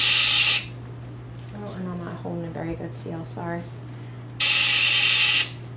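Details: Anesthesia machine leak check, patient end of circuit occluded by thumb, flow meter at 1: loud rushing hiss as the oxygen flush valve fills the reservoir bag, brief speech, then a second rush.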